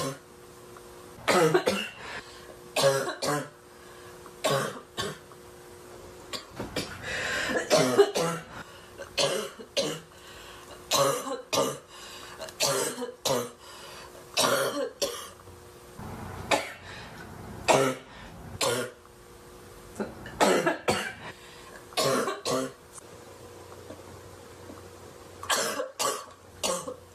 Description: Woman has a big barking cough fit